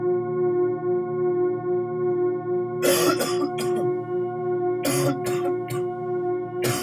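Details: Acted adult coughing in short bouts of several harsh bursts, over background music, in a public health message about colds spreading with rapid weather changes; cough.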